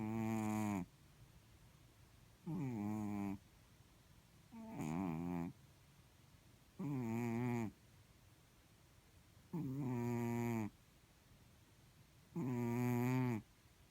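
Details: Sleeping blue-grey Chartreux cat: six regular, buzzy, rumbling snores on the in-breath, about 23 a minute, with quiet breathing between; snoring.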